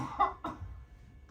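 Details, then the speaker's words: Voluntary cough into a mask pressed against the face for cough-strength testing, deep breath in then cough: two brief, sharp cough bursts in quick succession. "so again like that you're going to take a deep breath in and then cough as if something went down the wrong pipe it'll sound something like this breath in"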